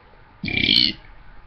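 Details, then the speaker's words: A single drawn-out, voiced, deliberate burp lasting about half a second, made as a party trick of burping the alphabet, here the letter A; burping. "I wanted to burp something, cause my talent is, it's not my talent, but you know, it's just something I can do, and yeah, so it's really weird."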